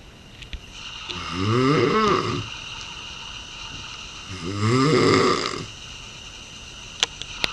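Two loud rattling snores on in-breaths, about four seconds apart, with quiet breathing between: ordinary snoring.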